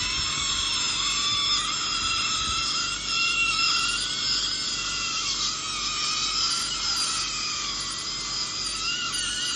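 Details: Dental drill during crown preparation on a real patient for post-fused-to-metal bridges replacing the extracted upper right second premolar and lower right first molar, with drifted neighbouring teeth: a continuous high-pitched whine with wavering pitch and faint suction.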